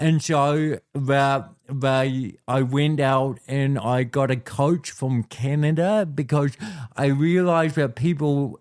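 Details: Adult man with cerebral palsy since birth, a physical disability affecting how messages travel around his body; speaks with dysarthria (cerebral palsy).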